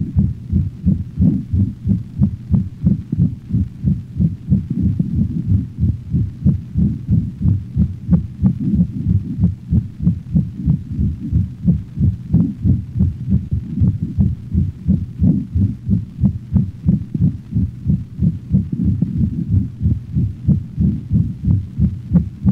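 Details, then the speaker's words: Dog, over the aortic valve region, radiating to cervical vessels and cranial right thorax: regular heartbeat with rumbling crescendo-decrescendo systolic ejection murmur; aortic stenosis. "this murmur is heard over the aortic valve region and radiates to the cervical vessels and the cranial right thorax the murmur may not interfere with the audible components of the first and second heart sounds"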